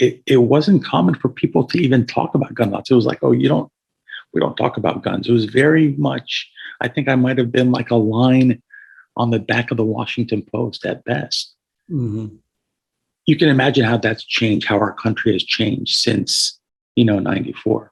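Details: Hoarse voice from vocal cord paralysis in an adult male trauma surgeon; a paralyzed vocal cord followed a gunshot neck injury at age 17 with carotid injury and tracheal rupture, and he had a tracheostomy tube for about 6 months after discharge.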